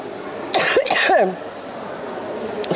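An adult man gives a short burst of dry, unproductive coughs against faint room noise.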